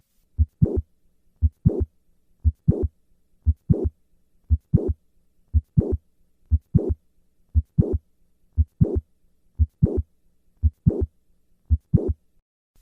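Regular heartbeat near 60 a minute, each beat a short thump followed by a sharp click and a brief late systolic murmur: mitral valve prolapse click-murmur.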